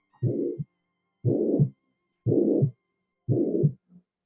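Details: Heart murmur example in a cardiac tamponade lecture: slow, regular heartbeat, about 60 a minute, each beat carrying a long, harsh, rushing murmur between the heart sounds.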